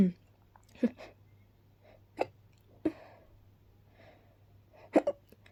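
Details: Person who reports being very allergic to pollen, with hiccups: several short, sharp bursts spaced over a few seconds, small sneezes mixed with hiccups, over a steady low room hum; sneezing.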